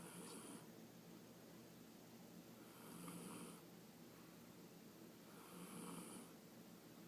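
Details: Tiffy snoring at 9 a.m. on a Sunday morning; soft rhythmic snoring with noisy, rattling breaths about every three seconds, roughly 20 a minute, over steady room hiss.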